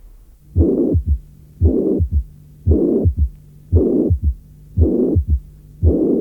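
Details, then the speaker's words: Mitral regurgitation severe enough to be frequently accompanied by a third heart sound; audio from a 1981 cardiac auscultation teaching course. "Si la régurgitation mitrale est suffisamment sévère, elle s’accompagne fréquemment d’un troisième bruit cardiaque."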